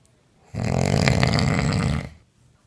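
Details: Woman snoring in her sleep, recorded by her partner on a mobile phone: one loud, harsh, rattling snore lasting about a second and a half, then quiet.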